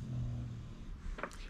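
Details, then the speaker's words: Bulldog snoring loudly in the room. "I've got a snoring bulldog but yeah that's essentially what it is"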